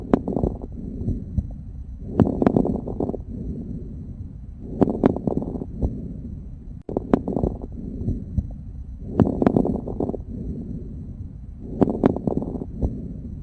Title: Les Rales Crepitants